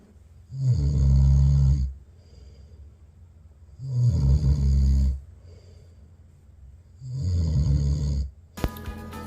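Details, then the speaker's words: Loud, rumbling inspiratory snoring from a sleeping husband, about three snores in nine seconds, with faint music in the background. "역시 코고는 소리가 만만치 않답니다 그래서 특단의 조치를 취하게 됐습니다"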